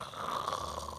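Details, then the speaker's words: Imitated simple snoring demonstrated by a doctor on a talk show about child snoring, illustrating airway narrowing in a snoring child. "apa yang terjadi di saat dengkuran itu terdengar gitu ya jadi kan kalau anak ngorok"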